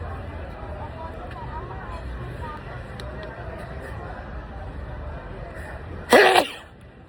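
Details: One short, forceful sneeze near the end of a sneezing compilation clip, over steady outdoor background noise with faint chatter.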